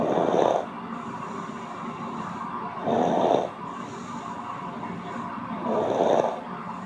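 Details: Ordinary snoring, audio only: loud, rough snores recur regularly about every three seconds, roughly 21 breaths a minute, over a steady hiss.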